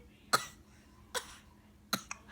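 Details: Three short, sharp, evenly spaced cough bursts with a small trailing catch: a child deliberately fake coughing.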